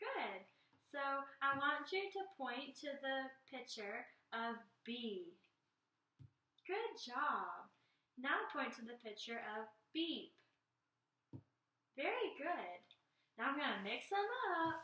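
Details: Adult female clinician; clinician speech.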